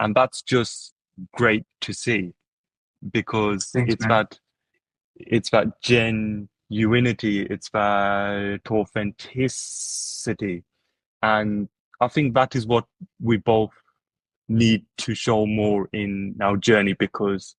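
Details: Adult who stutters, heard speaking with stuttering.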